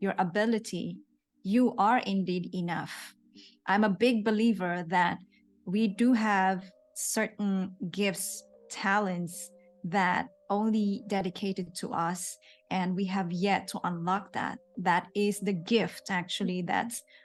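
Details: Adult woman speaking; typical speech.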